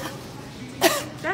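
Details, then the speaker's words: Deliberate, theatrical single cough by an adult woman aimed at masked shoppers in a supermarket; short forced cough burst with some voiced sound, not from illness (she claims allergies). "approached a group of shoppers and coughed theatrically in their direction smirking"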